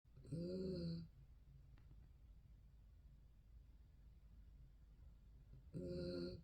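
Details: Sleeping poodle snoring: two loud, buzzing, somewhat tonal snores about five seconds apart, separated by quiet breathing and soft room noise.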